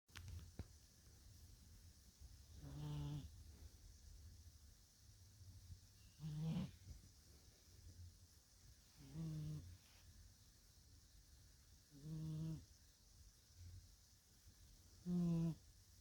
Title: Snoring Cat